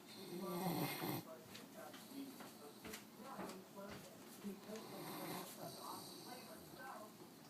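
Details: Rough, rumbling snoring breaths with snorting bursts over faint room noise, recorded while snoozing on a back porch; snoring.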